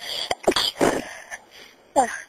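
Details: A few forceful, explosive, voiced sneeze bursts separated by brief pauses; deliberately induced by a person who has been sneezy and may be getting a cold; phone recording.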